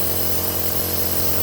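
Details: Omron NE-C28 compressor nebulizer running with mask attached while its use on children is demonstrated: a steady, loud mechanical buzz and hiss of the compressor motor.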